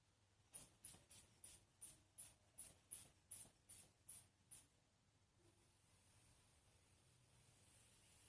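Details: About a dozen rhythmic hand-bulb squeezes inflating a manual sphygmomanometer cuff, then a soft hiss of slow release, during a blood pressure check on a pregnant woman in a nursing-student prenatal physical exam practical.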